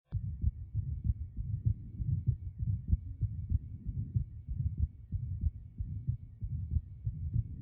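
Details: Stethoscope recording from a patient with an atrial septal defect; steady low heart thumps with a soft rushing sound between beats: atrial septal defect heart sounds.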